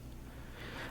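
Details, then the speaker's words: Adult's stomach rumbling during a whispered ASMR ramble, picked up close to the microphone: brief, low, continuous gurgling bowel sounds; speaker attributes it to a poor diet and mentions having LPR. "Like you hear my stomach right now. It's because I have a piece of crap uh diet"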